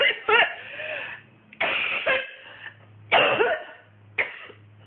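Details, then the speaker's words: An adult in week 4 of whooping cough has a morning run of harsh, forceful coughs with strained, noisy in-breaths that are hard to get in, about four fits a day, improving on the previous week: a pertussis coughing fit. "so that's pretty much what it sounds like at its some moment it's still got a little bit another suite at the end it's quite hard to get in"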